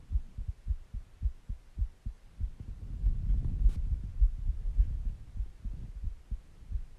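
Regular low thumps of a heartbeat at about 105 beats a minute, with some low rumbling noise in the middle.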